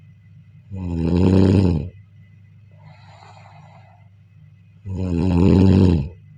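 Two loud, low, rattling snores on breathing in, with a soft breath out between them, over a steady room hum.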